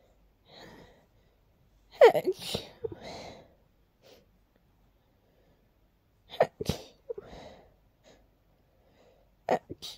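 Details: Dust-triggered sneezing while cleaning a long-uncleaned part of a room: a run of several soft sneezes in a quick little fit, with quiet breaths between.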